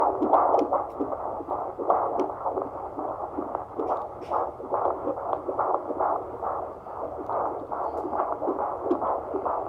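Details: Rapid, regular whooshing pulses of a fetal heartbeat on a fetal Doppler, about 145 beats a minute, within the normal fetal range.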